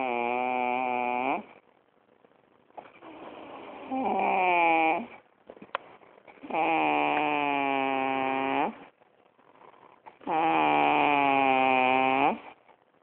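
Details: Snoring with long, buzzing, tone-like snores about 16 per minute, separated by quiet gaps, with a strongly musical, humming quality.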